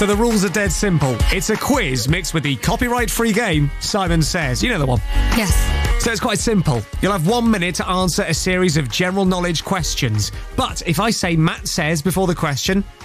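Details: Adult male speaker; normal speech.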